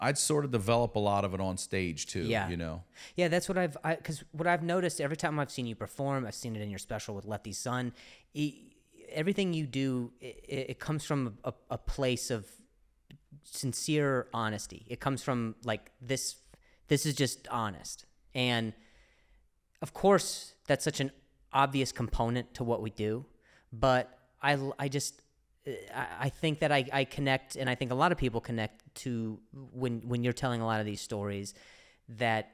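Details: Adult male comedian with a known stutter asking a question; stuttering.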